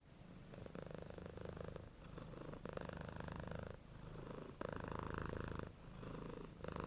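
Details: A cat snoring: rhythmic, low, rattling breaths in a steady cycle.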